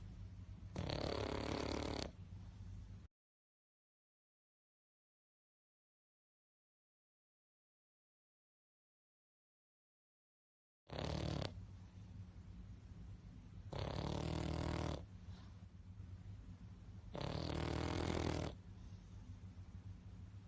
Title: Funny Dog snoring loud ❤ Cute snoring Pug 🐶 #DogVideo #SnoringDog #PugVideo